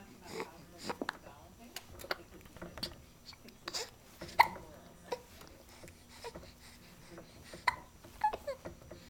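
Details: 2-month-old infant in a swing with hiccups: soft cooing broken by several short, abrupt squeaks typical of hiccups, in a quiet room.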